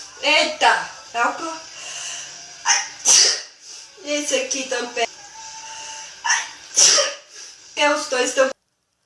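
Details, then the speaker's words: Repeated sneezing from someone saying they have sneezed constantly, perhaps from being in the valley: several short, explosive sneezes with a sharp hiss, mixed with brief speech and faint background music. "I'm scared. I'm not going to stop sneezing now. So why do you sneeze for 4 hours?"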